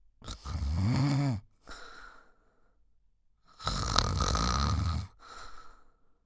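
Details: Snoring: loud, harsh, rumbling breaths in, each followed by a softer breath out, repeating about 20 times a minute.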